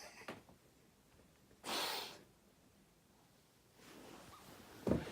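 A sharp inhaled gasp followed by a forceful burst of air, then a softer breath and a second short burst; sneezing.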